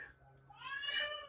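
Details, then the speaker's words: Baby girl crying in the background of a quiet room while her father is with her: a brief, rising high-pitched wail. "sorry you hear the baby crying in the background my husband is with the baby so it's not like um she's being left to scream while i talk"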